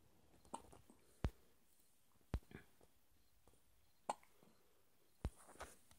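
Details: 2-week-old infant with hiccups at 4am: soft, sharp little jerks about once every second or so, four in six seconds, in a quiet room.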